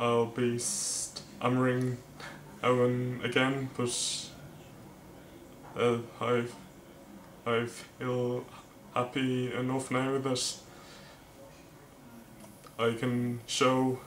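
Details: Male vlogger who stammers, speaking with word repetitions; stuttering.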